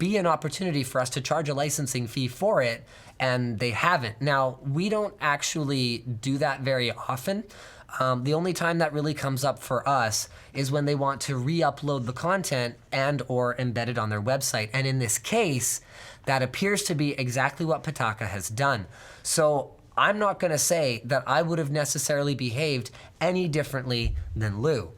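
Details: Adult man speaking; normal speech.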